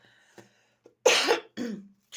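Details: Two loud, harsh cough bursts after faint breaths and throat sounds in a quiet room, from a woman with a persistent cough; cough.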